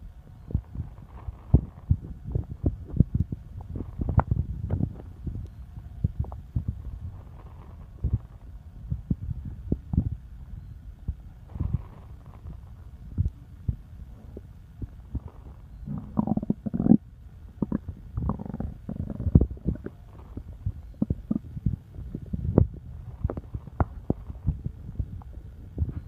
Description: Just noises from my belly.